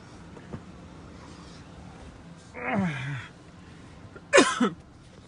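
Two short harsh coughs over quiet background noise; a plain cough.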